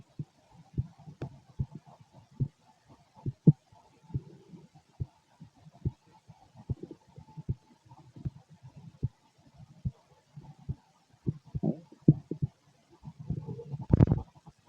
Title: Fit male heartbeat #body #auscultation #stethoscope #chest #humanbody #heartbeat #heart